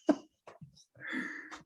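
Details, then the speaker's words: One loud, abrupt voiced hiccup from an adult podcast host who says their hiccups get obscenely loud, followed by small breath sounds and a brief drawn-out vocal sound. "I have the hiccups and my hiccups get obscenely loud. So I'm just going to step away for a minute, Mario, because it's like not normal people hiccups."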